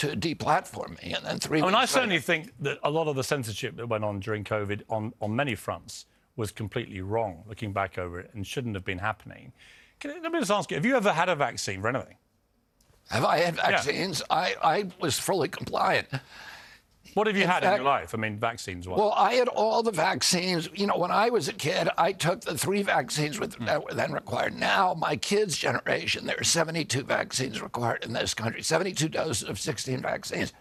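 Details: Adult man, spasmodic dysphonia, described as the neurological disorder spasmodic dystonia, onset at 42 after a 1996 injury; nerve signals tighten vocal cords constantly, cords uninjured; Kyoto surgery about eight months earlier made voice more reliable; now trying alternative therapies.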